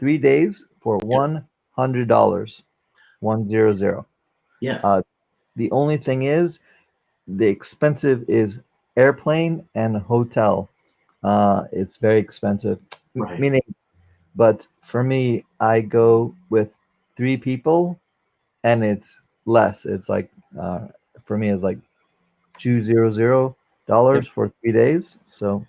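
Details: 44-year-old man, former NYC paramedic, with aphasia from a stroke during heart valve prolapse surgery, unable to use one arm; aphasia.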